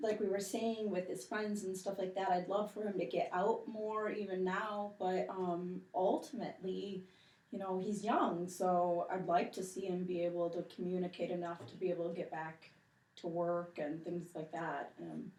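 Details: Adult woman speaking; ordinary speech.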